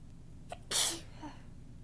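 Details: Soft, tickly sneeze while talking, nose stuffed up and itching: a brief indrawn breath followed by one soft, hissing sneeze burst in a quiet room.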